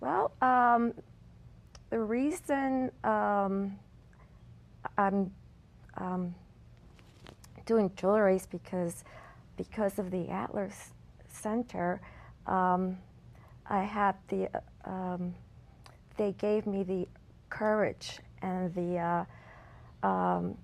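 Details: Woman with aphasia following a stroke at age 40 in 2003, which initially left her unable to speak; she relearned words through aphasia therapy.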